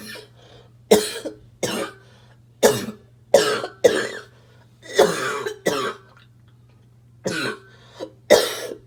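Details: Adult smoker with an annoying, choking barking cough that comes on while smoking; barking cough.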